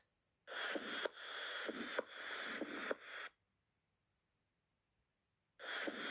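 Sharp, metallic valve clicks in pairs over a hissing background, the crisp closing sounds of a prosthetic heart valve.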